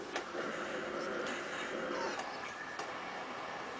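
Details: Steady rushing airflow hiss with a few soft clicks from a Philips Respironics E70 cough assist machine cycling mask breaths (rounds of six) on a 6.5-year-old girl weighing 16 kg who has seizures triggered by mucus.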